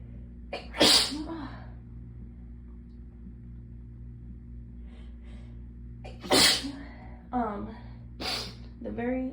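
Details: Sneezing fit triggered by getting cold after the hot water ran out: several intense, forceful sneezes with gasping breaths between, over a low steady hum; sneezes described as really hard and hurting the throat.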